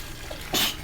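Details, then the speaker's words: Sneezing in the bath after holding back sneezes for a while during an outing: a single brief, sharp, breathy burst over running water; sneezing. "Now it's gonna tease me the whole time. I shouldn't have held it back for that long."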